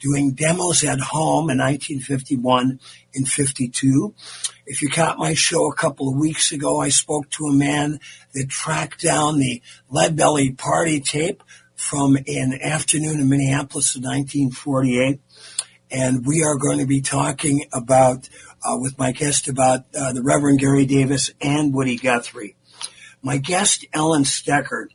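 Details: Adult male with dysphonia after recently losing a vocal cord; the loss was not caused by his polio in 1948, and he previously sang.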